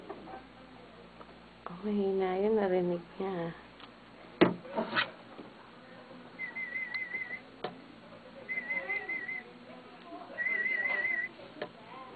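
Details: Aided hearing test before cochlear implant mapping: three soft, wavering high-pitched audiometer warble tones against room noise, with brief voices earlier; quieter than in the first test, but heard.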